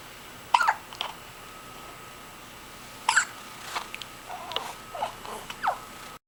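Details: Abrupt, short vocal hics repeating about two dozen times a minute in a quiet room, from a subject recorded hiccuping and yawning; hiccups.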